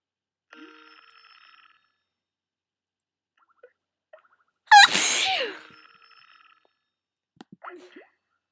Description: I tried some black pepper and it really tickled my nose, lots of big sneezes.